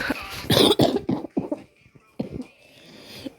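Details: A run of several quick, harsh coughs, then a short pause and one more cough, from a person with cramps and vocal stims while playing Brawl Stars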